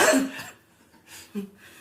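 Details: Cough: a single loud cough burst followed by a brief quieter throat sound in a small room.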